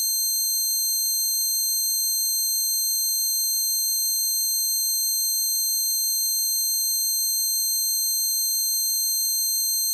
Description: This is the closest I could get to replicating the sound of my tinnitus.